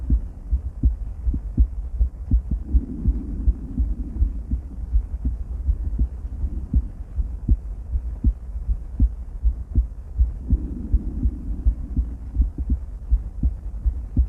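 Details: Heart sounds from a female heart, auscultated with several different stethoscopes at Erb's point, then the mitral, tricuspid, aortic and pulmonic areas: regular low thumps, about 80 a minute, with soft rustling at times.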